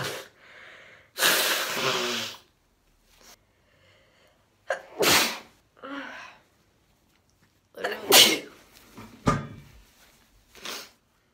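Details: Several forceful sneezes with sharp inhalations, one long hissy burst and quieter breathy sounds between, from women and girls with allergies.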